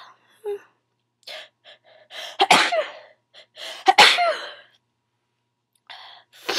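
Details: Person sneezing repeatedly: short in-breaths build to two forceful sneezes in quick succession, followed by quieter breathing; a run of sneezes, felt good afterwards.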